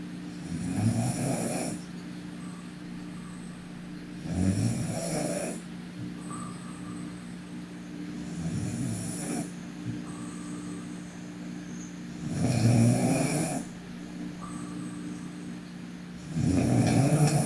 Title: Sleeping Korean Girl Snoring (PNGK) Part 2